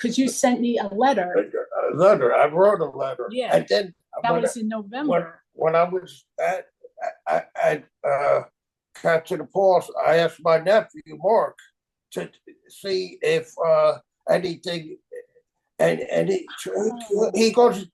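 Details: Aphasia caused by stroke in a man 25 years after the stroke.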